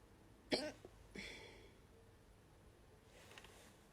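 Two abrupt, sharp throat catches about half a second apart, each a brief jerky gasp, typical of hiccups; quiet room.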